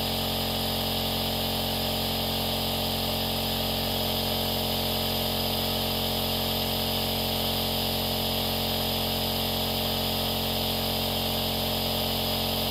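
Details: Continuous mechanical hum of an aerosol nebulizer compressor running.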